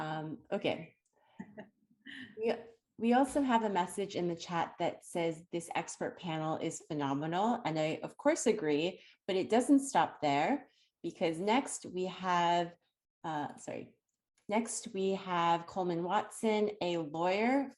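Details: Adult woman speaking; no disorder.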